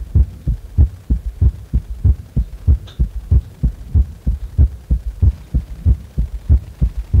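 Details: Heart sounds while resting lying on the back; steady, regular low thumping heartbeat at about 95 beats a minute with a faint hum underneath: normal heart sounds.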